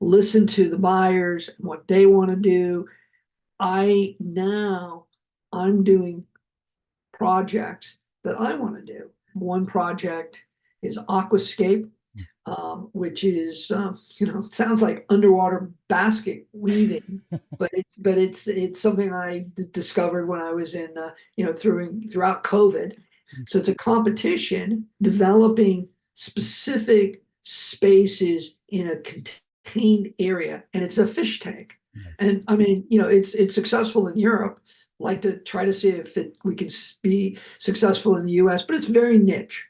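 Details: Adult man who survived a heart attack and has aphasia, speaking just after noting his aphasia was kicking in; aphasia.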